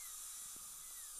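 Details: Steady high-pitched whine with water-spray hiss: a dental handpiece drilling about 2–3 mm into composite under 8x magnification, on an upper all-on-4 fixed implant-supported prosthesis with a fractured flange.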